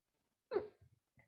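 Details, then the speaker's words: A single abrupt, voiced hiccup followed by faint breathy sounds in a quiet room, during a guided stretching practice. "I have a hiccup, sorry if you can hear them."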